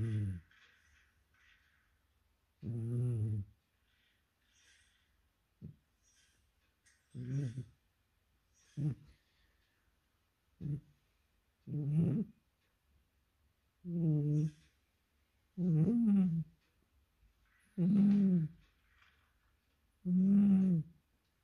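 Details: Sleeping cat snoring like a person: loud, buzzy, humanlike snores about every two seconds, roughly 28 a minute.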